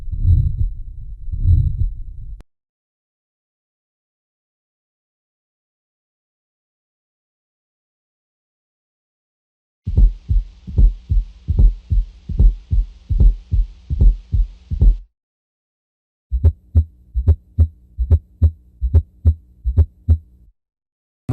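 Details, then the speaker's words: Aortic stenosis: first and second heart sounds with a crescendo-decrescendo systolic murmur between them, getting louder then quieter. "so you'll hear the first heart sound and the second heart sound and then between those heart sounds you'll hear a systolic murmur that gets louder and then quieter"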